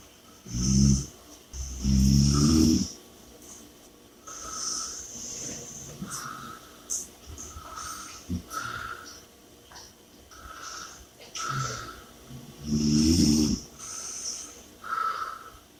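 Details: Sleeper snoring and breathing heavily: loud, rattling snores on the in-breath alternating with heavy, noisy breathing out, repeating every few seconds; snoring.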